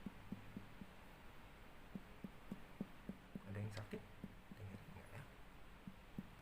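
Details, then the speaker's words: Child's abdomen percussed systematically across all quadrants during pediatric physical examination: series of quick, hollow drum-like taps, normal tympanic abdominal percussion note. "Ya, sambil kita dengarkan bunyi apa. Secara normal di abdomen itu bunyinya adalah timpani"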